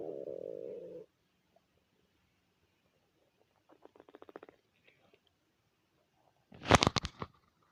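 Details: Stomach growling (borborygmi) from hunger in a person who had not eaten since dinner the previous day through a twelve-hour shift: low drawn-out rumble, soft gurgles, then a loud bubbling growl; normal hunger stomach growling.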